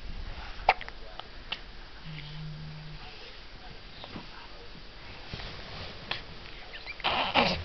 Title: Baby has Hiccups